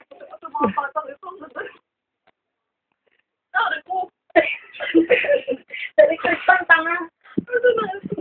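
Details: Baby crying: wailing, voiced cries in bursts with pauses between bouts.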